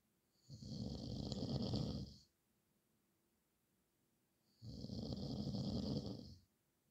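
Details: Loud habitual snoring, described as a nightly nightmare: two long, loud rattling snores on the in-breath, each about two seconds, with quiet pauses between.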